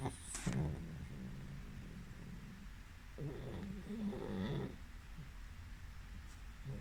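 Snuffling, snorting snores from a sleeping pug, with noisy breathing through the nose.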